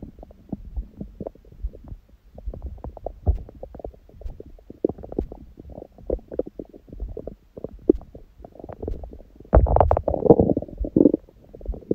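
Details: Own belly after eating and after abdominal exercise; the first meal was a large one at 16:00 after water-only fasting since 19:00 the previous day, on a raw-food diet. Frequent gurgles and bubbling rumbles, louder burst near the end: active normal bowel sounds.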